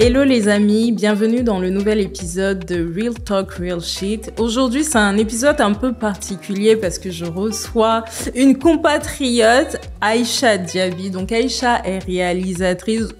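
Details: Adult woman speaking French; normal speech.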